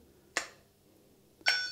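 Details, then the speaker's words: Two brief sharp clicks in a quiet room as an SAV04 small animal ventilator triggers during a daily leak test: thumb compression over the port raises pressure by 10 cm to trigger it. "just the compression of the gas in there from the movement of the ball of my thumb into that area is enough to raise the pressure by 10 centimeters and trigger the ventilator so just like this trigger trigger trigger"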